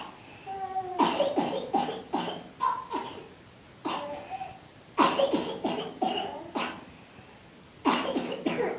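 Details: Repeated bouts of wet, loose coughing in clusters, about five coughs per bout; a productive cough bringing up phlegm stuck in the throat from a persistent cough.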